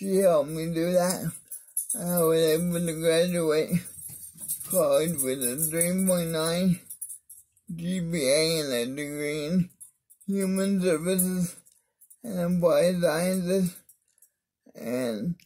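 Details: Adult man with cerebral palsy (spastic diplegia affecting arms and legs) whose voice differs because of it; mild dysarthria.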